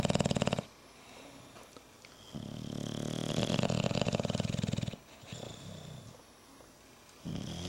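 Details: Sleeping bulldogs snoring: loud, rattling snores with long grumbling breaths between quieter pauses.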